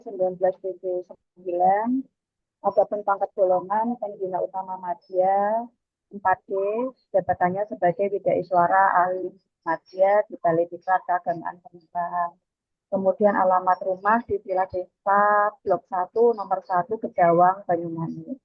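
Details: Adult speaker; ordinary speech.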